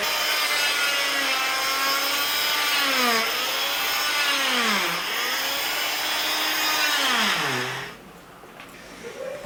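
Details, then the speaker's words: Oscillating cast saw removing a child's cast after a healing broken wrist: loud buzzing whose pitch rises and falls as it cuts, then stops; the child is told it is noisy and shakes but doesn't hurt. "now the song makes a lot of noise and wiggles and jiggles and shakes but it doesn't hurt you okay"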